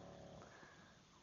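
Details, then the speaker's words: Brief low, rumbling snore with a snuffling nasal edge against quiet room noise, from the speaker's dog; ordinary snoring. "you got can you hear that snoring that's my dog"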